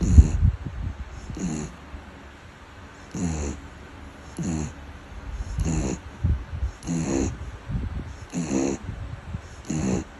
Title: Beagle dog snoring ビーグル犬のいびき(笑)#short